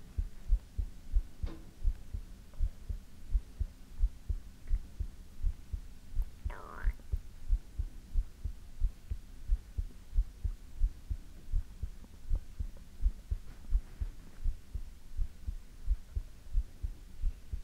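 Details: Steady, soft thumping heartbeat at about 85 beats a minute under faint hiss, with a brief rustle, recorded for ASMR: normal heartbeat.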